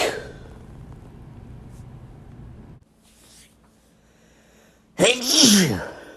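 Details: Quiet room noise, then one sharp, explosive voiced burst near the end, from a sneeze compilation; a sneeze.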